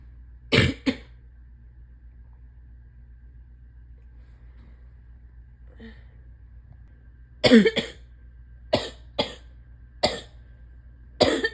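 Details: Adult with asthma, allergies and chronic bronchitis, likely sick: six short coughs, mostly in pairs, loose and rattly; a wet, chesty, congested cough.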